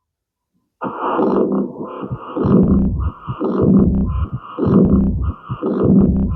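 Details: Early diastolic murmur of aortic regurgitation; S1, S2 and the murmur are each distinguishable.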